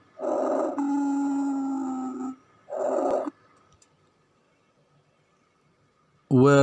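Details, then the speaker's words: Heard through a stethoscope: a long musical whistle on breathing out, then a short one. This expiratory wheeze indicates asthma or narrowed airways. "وطبعا الصوت ده بيبقى دلالة على ان في إصابة البيشنت بالأزمة أو الربو، أو في ضيق في الممرات الهوائية،"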